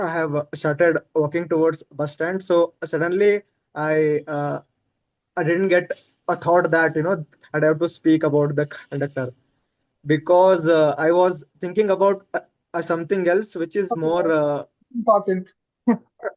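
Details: Adult man who stammers, notably in situations such as talking to a bus conductor or at a shop; stuttering.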